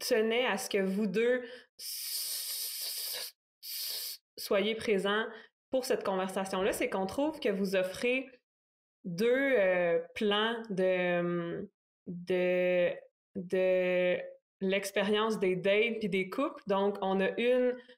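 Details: Stuttering in a French-speaking man in his thirties, speaking spontaneously.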